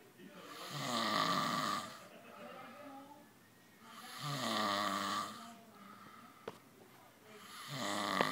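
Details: Snoring continuing while someone plays with the sleeper: loud, rattling snores on each inhalation, about 17 per minute, with quiet breathing between.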